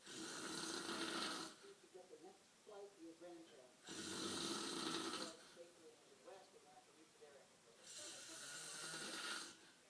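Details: Sleeper snoring at night: loud rasping snores about every four seconds, roughly 15 a minute, with quieter bubbly breathing between them; typical snoring.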